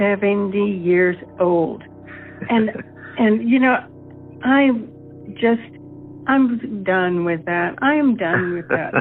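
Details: Aphasia in a 70-year-old female following a stroke that also caused paralysis.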